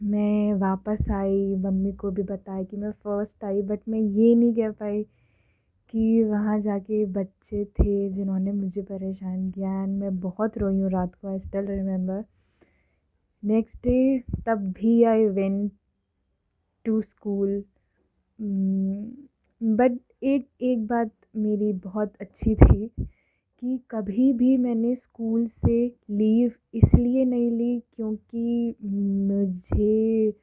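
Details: Adult woman who has stammered since early childhood, speaking Hindi/English; stuttering.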